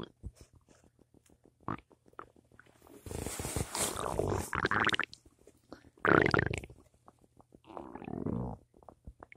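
Bursts of gurgling, creaking stomach rumbles between quiet stretches with soft ticking. Normal bowel sounds.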